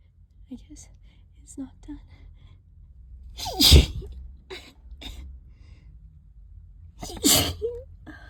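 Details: Allergic sneezing bout triggered by cleaning the trap: two forceful, wet sneezes with sharp inhaled gasps before each and soft breathing between; sneezing continued for half an hour.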